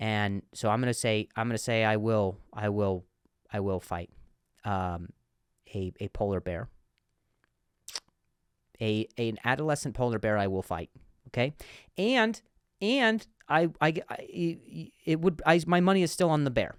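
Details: Comedian who stutters, speaking in a podcast monologue; stuttering with word repetitions.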